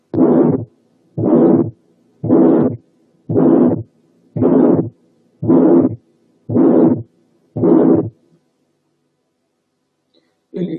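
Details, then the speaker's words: Pulmonary stenosis of moderate severity, between mild and severe but closer to severe: regular harsh, long ejection systolic murmurs at about 56 a minute over the pulmonary area. "ولا ده ولا ده، لكن بين الاثنين، وإن كانت أقرب شوية للسيفير."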